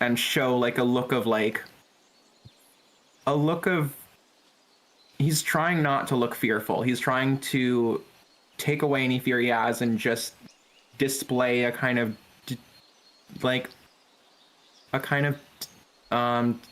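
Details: Player who says he stutters and that his stutter is bad right now; stuttering.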